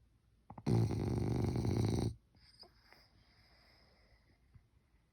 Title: French bulldog snores like human 😴